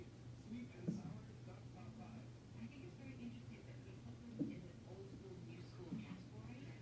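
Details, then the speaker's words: Fetal hiccups in a pregnant woman in hospital having contractions and leaking fluid, possible ruptured membranes: three brief, sharp thumps over a steady low hum. "yeah can you hear that he has hiccups"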